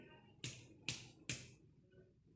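Three quick percussion taps over the right upper chest, each with a short hollow ringing tail: a normal resonant note over lung.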